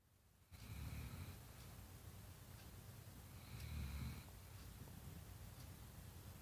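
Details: Snoring during sleep: two low, rumbling snores about three seconds apart, each with a faint whistling edge, over quiet room noise.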